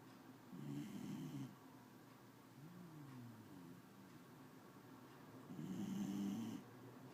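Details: Snoring: two loud, buzzing snores on inhalation with quieter whistling breaths between them.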